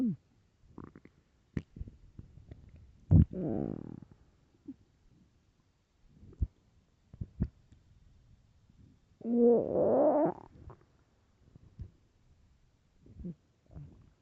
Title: really loud stomach growls